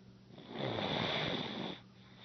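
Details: Snoring: a single drawn-out, rough, rattling breath with a faint whistling edge, rising and fading over about a second and a half.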